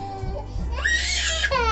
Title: crying